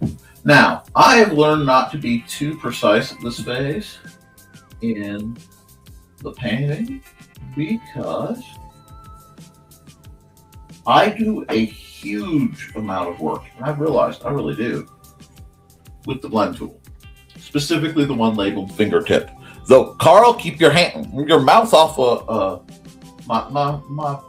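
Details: Stuttering in an adult male host who says he stutters a lot; repetitions heard in running speech.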